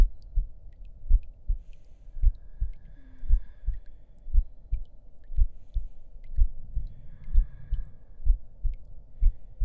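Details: Heartbeat in an ASMR roleplay audio: regular, steady soft low thumps at about 80 a minute under faint background hum.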